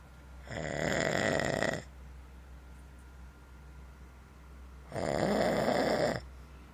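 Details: Two long, loud, rasping snores about four seconds apart, with quiet breathing between them; ordinary snoring during sleep.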